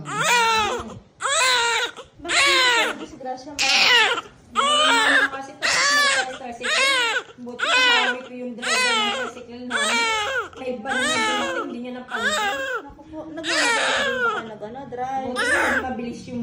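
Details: Vigorous, rhythmic first cry of a newborn right after natural vaginal birth, about one cry a second with brief pauses for breath; a strong cry is a reassuring sign.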